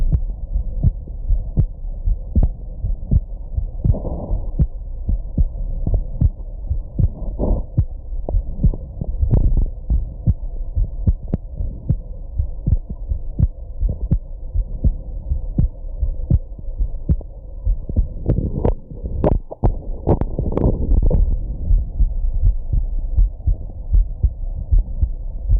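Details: Adult's heartbeat after drinking alcohol and smoking, steady at about 80 per minute, broken by a few louder hiccup jolts over a low hum.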